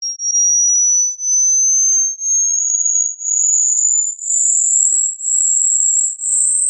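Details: Hearing test tones: a steady high pure tone that climbs slowly in pitch and pulses about once a second, a sweep used to check high-pitch hearing.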